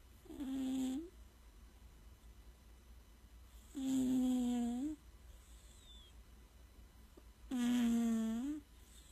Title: Does your cat snore? 😂😴